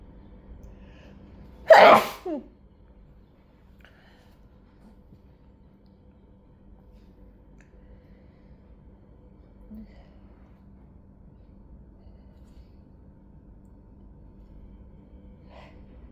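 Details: Stifled sneezes turning into a sneezing fit: one loud sneeze burst with a smaller follow-up, then a long quiet stretch.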